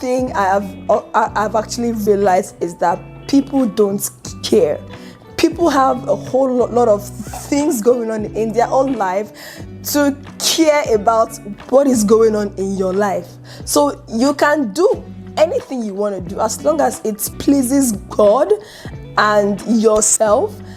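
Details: Adult woman, a self-described chronic stammerer whose eyes twitch and mouth moves involuntarily when she stutters, speaking two weeks after making her stutter public; stuttering.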